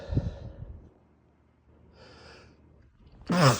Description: Because nothing says bedtime like a sudden sneezing fit